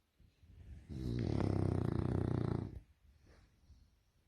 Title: french bulldog snoring snore funny